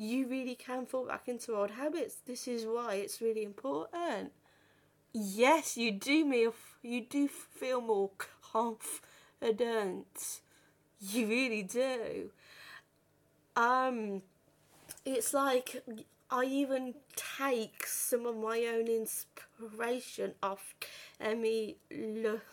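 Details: 32-year-old woman who has stuttered since about age five or six, worst on the phone, had speech therapy and breathing techniques at 15; stuttering.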